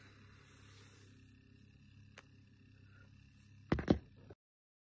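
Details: Morning chesty barking cough: two loud, harsh cough bursts in quick succession after a quiet stretch of steady background hum.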